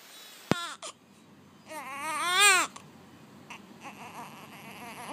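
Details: Newborn's first cry in hospital the day after home birth; short, high-pitched cry rising and falling over about a second with brief squeaks and quiet room noise.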